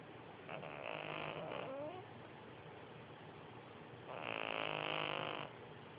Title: Snoring cat (Vincent VG)